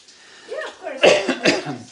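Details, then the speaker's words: Adult with an unexplained cough lasting a little over two months (possible undetected COVID suggested): a faint voiced sound, then two short, harsh cough bursts. "okay, sorry for my coughing. They don't know what's going on with my coughing. I've had this for a little bit over 2 months."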